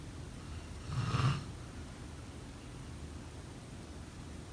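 One short, low rattling snore on a breath in, then quiet breathing against room hiss.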